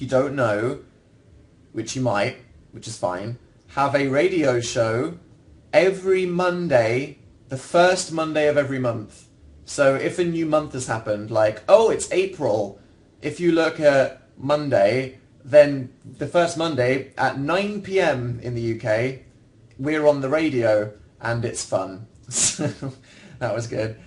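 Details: Adult man speaking; ordinary speech.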